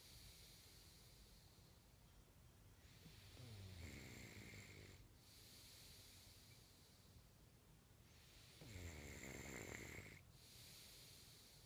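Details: Two drawn-out rattling snores over steady room noise, each a low fluttering vibration on the in-breath; snoring.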